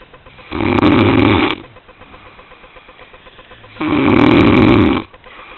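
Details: Snoring during sleep after a night of partying: two loud, rough snores about three seconds apart, with quiet room noise between them.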